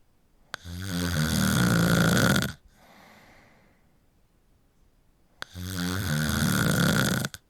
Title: Snoring for an hour | Helps you fall asleep | Let's listen